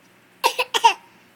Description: Silly boy coughs on demand